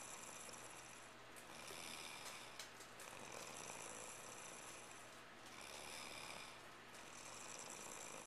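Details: Brittany asleep: soft, raspy, rattling snores on slow repeated breaths against steady background hiss; light snoring.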